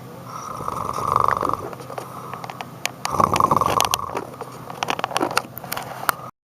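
Two loud, rough, fluttering breaths a few seconds apart, with clicks and room noise between them: snoring.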